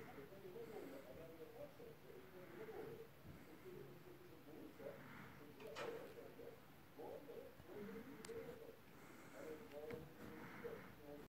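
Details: Sick budgie (budgerigar) breathing with repeated soft, raspy, cooing wheezes; wheezing breathing.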